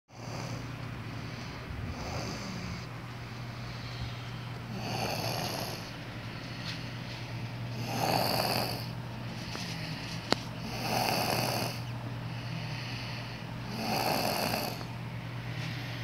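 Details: Snoring in a 3-year-old child: rough, rattling breaths recurring about every three seconds over a steady background hum.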